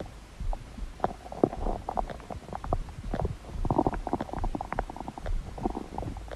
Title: #indonesia Indonesia's cute stomach growl part 2